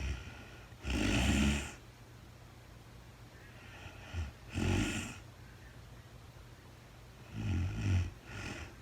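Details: A woman sleeping in real time, with no talking, gives rough, rattling snores on breathing in, several seconds apart, with quiet between.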